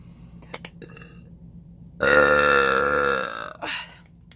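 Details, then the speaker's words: Single loud, drawn-out voluntary burp (eructation) lasting over a second, preceded by small clicks and followed by a breath, from a person who currently has hiccups. "I am a primarily burping Channel I just thought I'd throw a couple burps in there"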